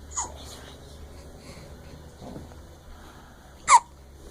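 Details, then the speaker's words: 5-week-old baby girl hiccupping sharply and briefly, with quiet breathing between, while smiling after waking up. "But she was hiccuping when she smiled. Big time."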